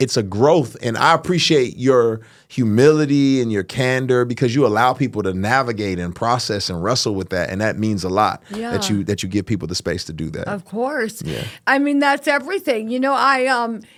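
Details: Adult men in conversation; ordinary conversational speech.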